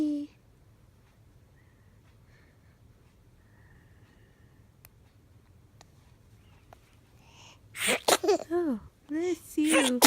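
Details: Long quiet stretch, then a sharp sneeze burst followed by brief high infant sounds from a baby on day 22; infant sneezing.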